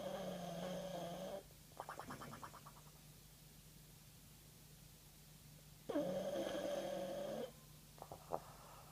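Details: Bulldog snoring with two drawn-out, buzzing snores, each followed by a bubbly, rattling flutter, a wet, gurgling quality; snoring.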